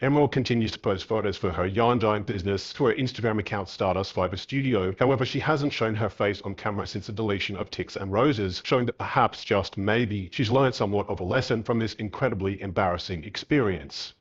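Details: Adult male narrator; Normal speech.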